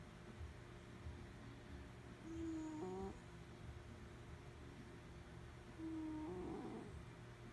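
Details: Sleeping cat snoring: two soft, squeaky, whistling snores about four seconds apart over a steady low room hum.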